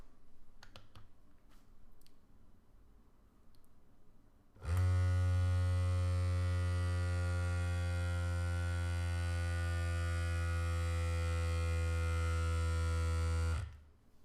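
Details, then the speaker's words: After a quiet pause, a steady low motor hum for about nine seconds as a ProLogic 100 automatic upper-arm blood pressure monitor pumps air into the cuff on a repeat reading: cuff inflation. "so I'm going to press the button there'll be a short delay and then you'll hear the blood meure pressure machine start to compress air into the"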